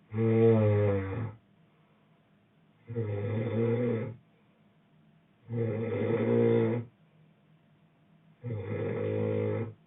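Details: Boyfriend snoring: loud, deep, rattling snores on each inhalation, about four in ten seconds, with quiet exhalations between.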